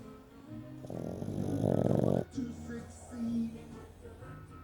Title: Optimus snoring